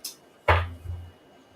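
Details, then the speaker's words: Adult's knee cracking, described as feeling out of place: a single sharp crack followed by a dull thud as the knee moves; knee crepitus. "You hear that? That was my knee cracking. Oh, was it? Yeah. I'm telling you, it feels like it's out of place."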